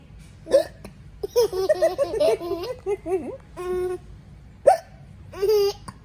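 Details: Baby laughing at his own hiccups: sharp, sudden gulping hiccups, about three in six seconds, breaking into giggling and laughter.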